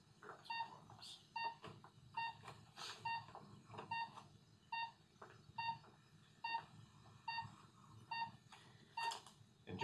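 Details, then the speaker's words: Regular pulse oximeter beeps at about 71 per minute with soft room noise during simulated anesthesia induction for gallbladder surgery; patient premedicated, taking slow deep breaths; finger oxygenation monitor. "I've got another monitor that's gonna slip onto your finger here this measure is your oxygenation"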